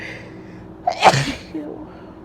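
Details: One forceful, wet, congested-sounding sneeze with a short intake of breath before it, in a quiet room; sneezing.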